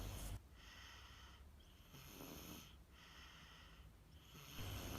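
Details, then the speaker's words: Soft, low, rumbling breath sounds repeating in quick cycles: a sleeping baby snoring, shown in connection with obstructive sleep apnea. "you can hear the baby's snoring sound just try to hear it"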